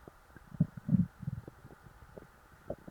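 Low gurgling rumbles with a few short squelches over about three seconds: stomach growling from a full stomach.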